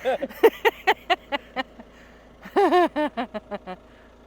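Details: Adult woman producing a rapid string of short, voiced croaking bursts in two runs, about fifteen in all, with laughter around them; repeated deliberate burps.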